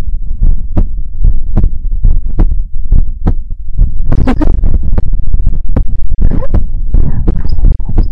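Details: ASMR heartbeat recording: deep, regular thumping heartbeat at roughly 75 beats a minute, recorded close with a steady low hum behind it; normal heartbeat.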